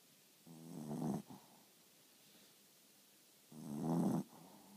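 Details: Dog Lola snoring while asleep: two rough, buzzing inhalation snores about three seconds apart, with quiet breathing between them.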